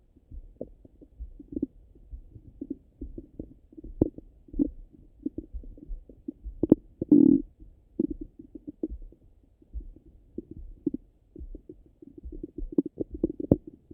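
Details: Stomach rumbling after breakfast: irregular soft gurgles and bubbling bursts with one longer rumble; normal bowel sounds after eating.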